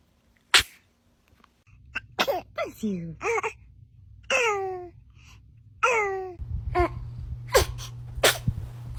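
Several short, abrupt puffs followed by small whimpers and squeaky cries: a baby sneezing repeatedly, with background hum.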